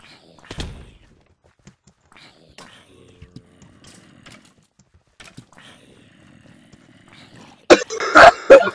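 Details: Quiet room with faint thumps and movement, then a sudden loud burst of two or three harsh coughs from a gamer who says he is sick.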